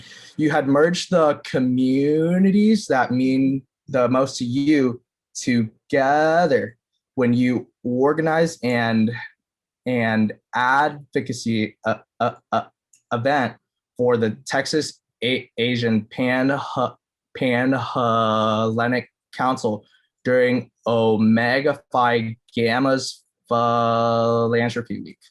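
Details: University student who stutters and says certain words and phrases may take him longer to say; stuttering.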